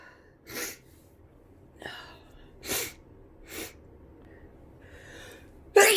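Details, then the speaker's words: A person with flu sneezing repeatedly: a run of about four sharp, explosive sneezes with quick breaths between, then a final loud burst. "Ew. Oh my God, bless me."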